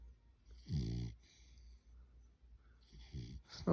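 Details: Sleeping dog (Simon) snoring: two rough, low rattling breaths with quiet gaps between them.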